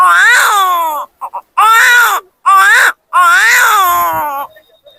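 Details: Adult man imitating the cry of a just-born baby, a vocal mimicry act: four high, wavering wails separated by brief catches of breath.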